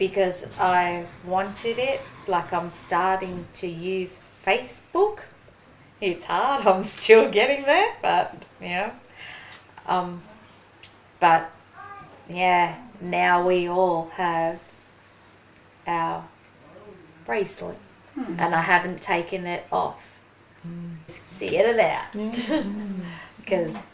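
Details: Aphasia in a 43-year-old woman following a ruptured brain aneurysm and stroke 4.5 years earlier, with one-sided weakness; she reports slower talking and trouble getting words out; aphasia.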